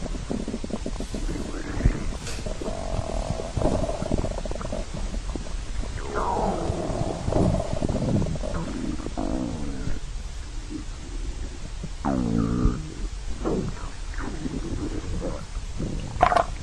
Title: Stomach growling